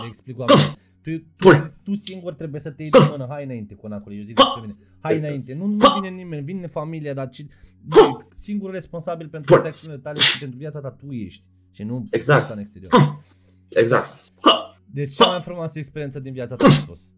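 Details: Adult male speaker; normal speech.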